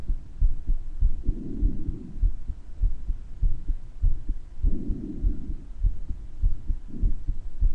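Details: Person's own recording of their heart murmur, with breath sounds, clearer at some points than others: muffled heartbeat near 100 a minute with a whooshing sound between beats and slow breaths behind it.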